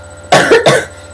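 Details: Cough in a sick child who has had a lingering cough that won't go away: two loud, close coughs, the first with a double push.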